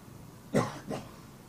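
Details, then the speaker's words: Child patient with habit cough, a daytime cough that stops once asleep: two short, dry coughs in close succession, a cough rather than a vocal tic. "I mean it sounds like a cough uh in uh there is such a thing as a vocal tick but these are not vocal this is a cough you heard"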